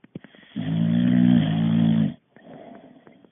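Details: A boxer dog snoring while asleep, tired after exercise.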